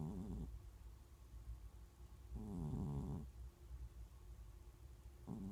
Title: Snoring Catㅣ코고는 고양이